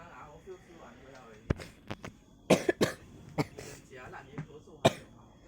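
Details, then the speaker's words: Person on day 3 with a positive ART test, coughing a lot without fever or runny nose, drinking water after coughing, in a dark room; cough. "yeah and i'm still coughing i got no fever and no running nose cough a lot and now i cough and then i drink water"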